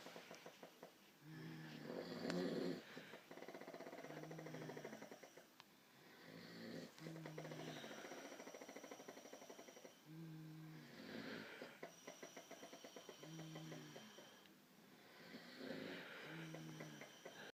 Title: Snores and farts everywhere